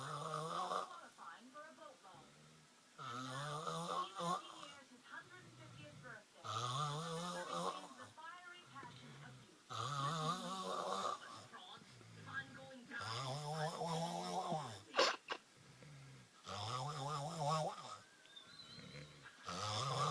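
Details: Loud snoring in a sleeping person whose face is being played with: rattling snores about every three to four seconds, with moaning, voice-like tones on the breaths.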